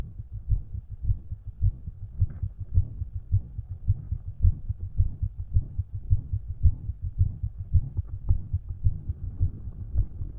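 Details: Self-recorded with own stethoscope: steady, low heartbeat with an added soft sound near each beat, which the recorder suspects may be an S4, plus a faint murmur; the extra sound had gone by later that day.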